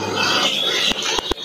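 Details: Sick chicken with long-lasting "ngorok" (respiratory snoring) that is not getting better: harsh, raspy grating noise with a few sharp clicks; rattling, snore-like breathing.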